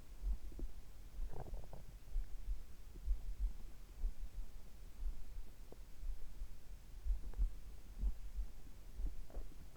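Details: Heart sounds recorded at the same time as stomach sounds, after drinking carbonated water; heartbeat with much stomach rumbling alongside, normal heart sounds.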